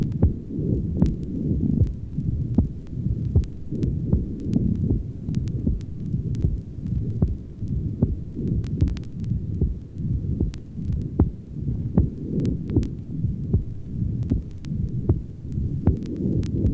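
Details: Heart murmur with a normal second heart sound over the pulmonic area, where the second sound is normal because lung blood pressure is not elevated.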